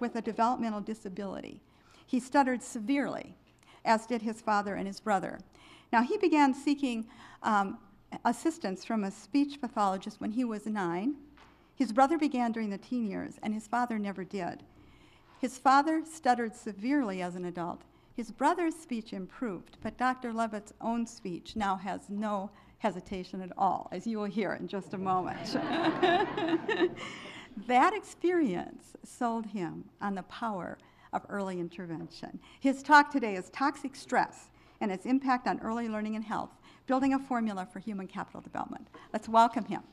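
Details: Adult woman speaking; normal speech.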